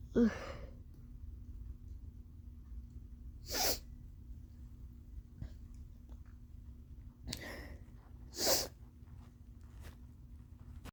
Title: 3 Sneezes w/breathy build-ups🤧